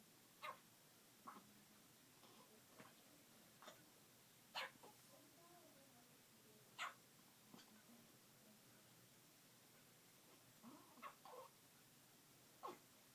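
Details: Brief, sharp little clicks and squeaks recurring irregularly from a one-day-old kitten (Savannah): hiccups, a harmless finding.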